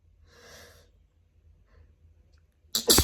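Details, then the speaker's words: Person with new autumn allergies sneezing after a walk outdoors: breathy inhalation, a pause, then one sharp explosive sneeze; sneezing leaves them lightheaded. "it's so difficult not to put my hand on my face. And I've been for a walk and now this is happening."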